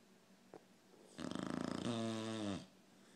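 A single rattling snore on a breath in that ends in a drawn-out groaning tone; snoring.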